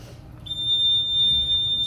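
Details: A steady piercing electronic tone starts and holds: the alarm of a Dräger Evita XL ventilator sounding during its pre-use self-check, confirming that the alarm works.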